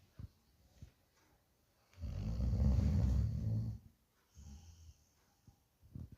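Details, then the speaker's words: Sleeping Bhotia (pahadi) dog snoring: a loud, rumbling snore lasting nearly two seconds, with fainter snorting breaths on either side. "ये देखो भाइयों, जब भोटिया सोता है इतने बड़े खराटे लेता है,"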